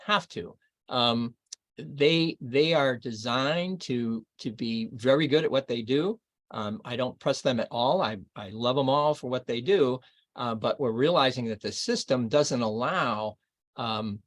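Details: Adult man reading aloud within the first two years after a left-hemisphere stroke in Broca's area; archival recording; expressive aphasia with paraphasias (substituting unintended words) and poor reading ability.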